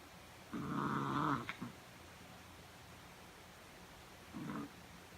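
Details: Dog Minnie snoring during sleep after a long day practicing slalom skating: long rattling snore on the breath in, then a shorter second snore after a quiet pause.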